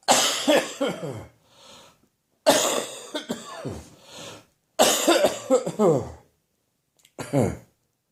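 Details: Adult with a slowly improving cough and catarrh that runs into the chest on rising: three loose, rattling bursts of rapid coughs, then a single shorter cough; wet, productive morning coughing fit.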